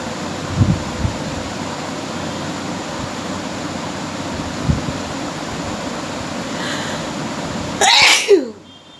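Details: Sneezing challenge with deliberately provoked sneezing: quiet sniffs over steady background hiss, then one forceful sneeze near the end.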